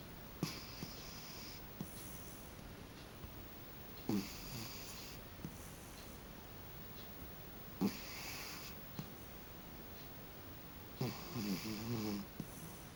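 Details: Cat sleeping on his back snoring: soft, snorting snores at the start of each breath, about 16 a minute, with quiet between them; owner says he sometimes snores really loud at night.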